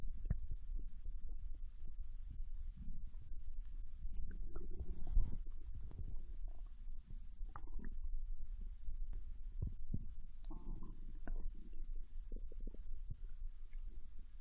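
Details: Bowel sounds of ramen digestion from a Japanese girl, recorded while she lay on her side in bed after eating: soft, irregular gurgles and low rumbles over steady background noise, normal digestion.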